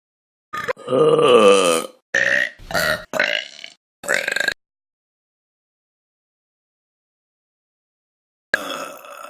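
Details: Compilation of burps from Vine clips: a long, loud voiced burp followed by several shorter burps, silence, then one more brief burp.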